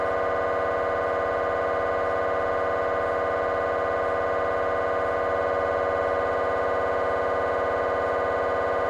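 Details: Loud, rapid, steady buzzing pulses from a GE 3T MRI scanner running a T1-weighted fast spin echo sequence during a petrous bone (Felsenbein) exam.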